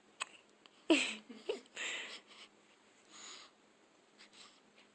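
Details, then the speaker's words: Baby girl with abrupt, short catches of breath and soft breathy sounds between them; infant hiccups. "You have the hiccups?"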